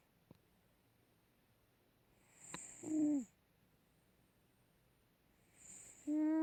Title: My cat milo snoring